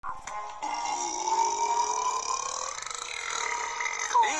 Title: burps compilation